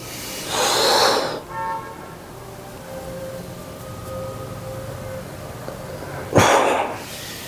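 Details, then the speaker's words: Forceful "hoo" exhalations, two loud breath bursts over quiet music, while bracing the abdomen against a belt and reaching arms overhead during manual-therapy exercise for anterior shoulder pain from bench pressing, present about 4–5 years, cumulative onset. "후할 때도 벨트를 계속 밀어내야 되고 다시 둘 안 아플만큼 최대한 만세 팔 앞으로 쭉 뻗으면서 후 벨트 계속 밀어내고"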